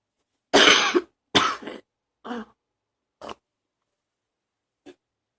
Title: # 65 still coughing, allergies #2